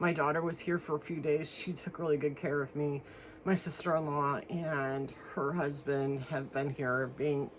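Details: Adult woman one week after anterior cervical fusion of C5–C7 with metal and screws, throat still swollen internally, feels something stuck, not yet eating solids; dysphonia after anterior cervical spine surgery.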